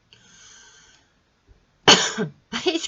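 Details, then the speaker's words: An adult whose throat feels itchy and who says they struggle to breathe, as if asthmatic, gives two harsh, loud cough bursts after a brief breathy sound. "pardon excusez moi j'ai la gorge qui me pique d'un seul"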